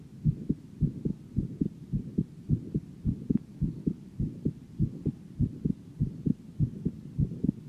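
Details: Normal heart sounds of a 17-year-old female: steady paired low thumps at about 105 beats a minute.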